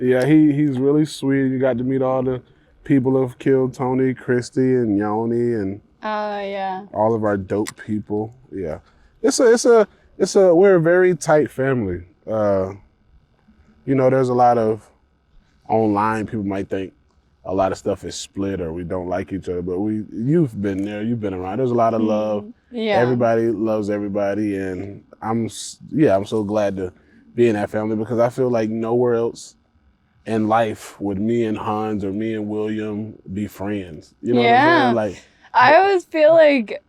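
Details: Ataxic dysarthria in a 28-year-old woman with Friedreich's ataxia, a progressive genetic disease diagnosed at 18; speech and walking changes were noticed around age 15. She uses a wheelchair and takes Skyclarys to slow progression.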